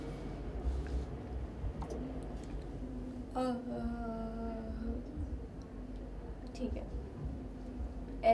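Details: Reduced maximum phonation time in a patient with ataxia (ataxic dysarthria): a very weak sustained 'aa' that falls short of the 5-second minimum (target 14 to 16 seconds).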